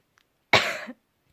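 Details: Person who has been very ill for several days, still unwell on 31 December: a single short, harsh cough in a quiet room.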